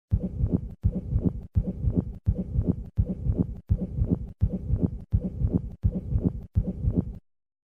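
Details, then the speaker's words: Pericardial friction rub recorded at the fourth left intercostal space: repeated scratchy, grating sounds with each heartbeat at about 83 a minute. "pericardial friction rub recorded at the fourth left intercostal space"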